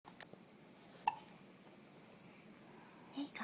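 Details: Hiccups in a 1-day-old newborn boy, resting; soft brief catching sounds, a few over several seconds, in a quiet room.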